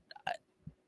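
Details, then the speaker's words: An older small female dog going into congestive heart failure gives a quick sniff and a sharp, airy sneeze, then a soft low snort; dog sneezing. "if you guys hear that sniffing and sneezing if if you are familiar with me you'll know my little dog hops it"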